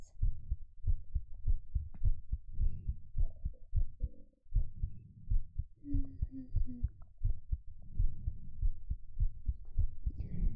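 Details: Normal heartbeat recorded as ASMR with a 3Dio binaural microphone while fairy tales are read aloud: steady, soft, low heartbeat thumps throughout, with faint tonal sounds at moments.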